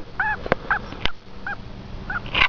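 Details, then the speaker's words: Pet guinea pig with a respiratory infection on oral antibiotics, poor appetite but still active: short high-pitched squeaky wheezes with each breath and a few clicks, labored breathing. "has sort of like a wheeze that's what made me first notice it he still seems to be pretty active not too lethargic so that's a good sign it's sort of like a high-pitched wheeze when he breathes"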